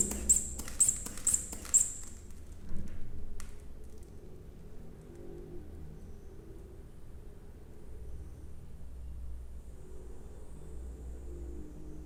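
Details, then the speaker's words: Manual auscultatory blood pressure measurement on an arm, stethoscope under the cuff: four quick bulb squeezes rapidly inflating the cuff to 130–140 mmHg, a valve click, then slow quiet deflation hiss. "Ok então eu vou agora proceder a medida da pa a nota está posicionado e agora eu e sofro rapidamente até esse valor de 130 140 milímetros de mercúrio"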